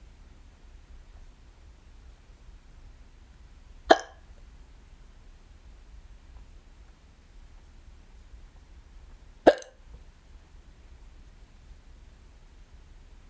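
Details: A person home alone has a bout of hiccups, the first of several episodes that day, heard as two sharp, abrupt hiccups about five to six seconds apart in a quiet room.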